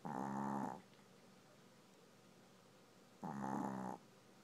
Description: Tako the dog snoring.